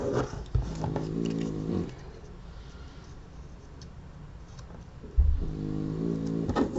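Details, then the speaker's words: Two long, low rumbling snores from a sleeping, very tired pet dog, separated by a quiet pause; ordinary dog snoring heard in the background. "Si vous entendez ronfler, c'est la boubou, hein, comme d'habitude. Elle est très fatiguée, cette chienne."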